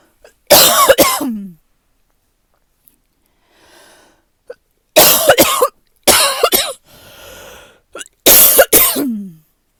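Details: Tight, chesty cough from seasonal fall allergies when it first gets cold, not illness: four loud, harsh coughs in separate bursts with breaths drawn in between.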